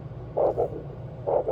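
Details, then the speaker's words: Strong rhythmic double-swish pulses from a handheld ultrasound Doppler probe pressed firmly over a leg artery, before cuff inflation, used to find arterial occlusion pressure for blood flow restriction training; a normal, robust arterial flow signal. "so we want to make sure that once we hear that sound we rotate a little bit make sure that we're getting the best possible most robust noise possible okay so that is very very loud very good"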